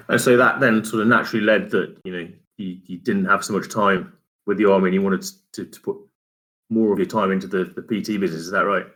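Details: Adult man; typical speech.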